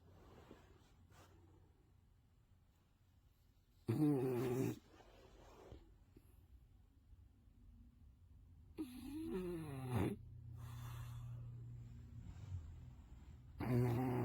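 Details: Sleeping bulldog: loud, rough, rattling snores interspersed with a low whining breath; snoring.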